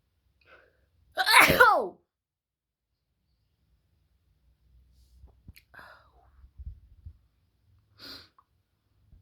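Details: One loud, forceful, wet sneeze with a harsh explosive burst from a person with a wide nose, followed by quiet breathing and small movement sounds.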